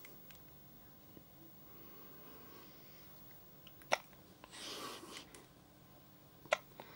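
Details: Baby boy, just after breastfeeding. Two sharp, brief hiccup sounds a few seconds apart against quiet room noise; faint, recorded at low volume: hiccups.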